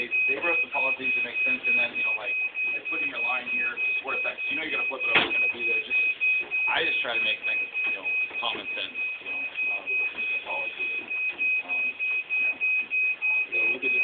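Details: Steady high-pitched electronic alarm tone from a dialysis machine during setup, with several people talking nearby; recorded on a phone camera.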